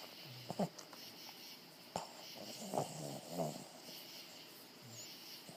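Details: Sleeping animal snoring: soft, rough snorting breaths in a quiet room.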